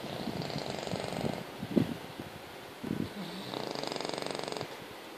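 Buzzing, fluttering snores with snorts between breaths from a sleeping puppy; noisy snoring typical of a flat-faced dog.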